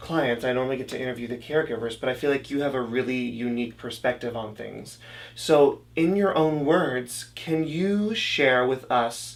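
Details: Adult interviewer; typical speech.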